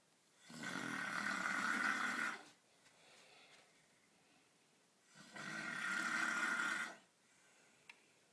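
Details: Husband snoring while asleep: two long, loud, rough rattling inbreaths with quiet outbreaths between them, about 13 breaths a minute.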